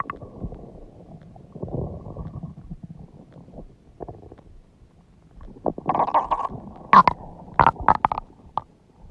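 Long, loud gurgles and squeaky groans rising to sharp bursts near the end. Ordinary stomach growling from gas and fluid moving through the gut.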